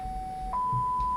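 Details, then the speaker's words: Audiometer pure tones in a hearing test, presented at rising frequencies from 250 Hz upward, with intensity raised until the patient raises a hand: a steady tone stepping up to a higher pitch. "Entonces si el paciente no levanta la mano, el audiólogo aumenta."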